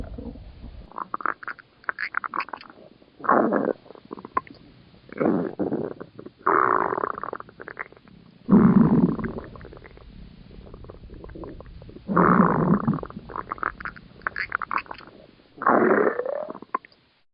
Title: Sumireko Usami's Stomach Rumbling